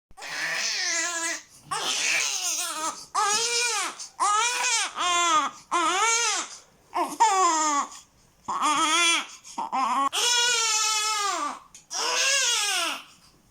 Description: sound of a young baby crying. Newborn baby crying sound effect. Baby cries (hd)